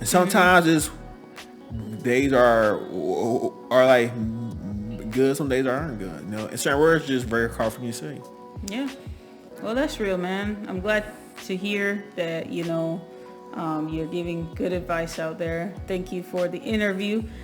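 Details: Adult man with lifelong stuttering since he began talking, who saw speech teachers; a speech therapist told him his face gets very tense on certain words; speaking English; stuttering.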